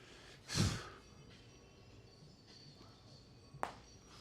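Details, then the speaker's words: Adult male bodybuilder during a push-day gym workout; breathy exhale then a single sharp click as his shoulder pops (joint crepitus), which he says felt good. "Woo, did y'all hear that? That was my shoulder popping. That felt good."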